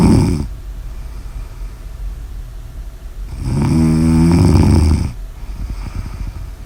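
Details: Snoring: a single loud, rattling snore on an in-breath between quieter breaths, with steady room hiss behind it.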